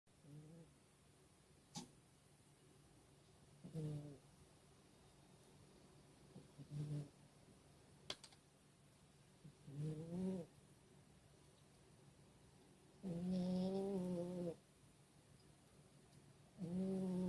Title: Pixel snoring